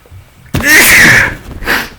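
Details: Allergic sneezing during pollen season in a person who has run out of prescription antihistamines: a quiet lead-in, then one loud, forceful sneeze with a breathy trailing sound.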